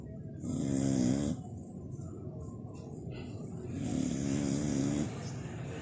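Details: Dog snoring like a human during sleep: deep, buzzing snores on each breath, two in the clip, with steady hiss between.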